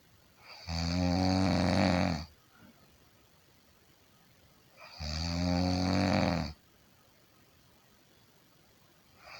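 Two long, loud, rumbling snores on breathing in, with quiet pauses between, roughly 14 a minute; typical heavy snoring.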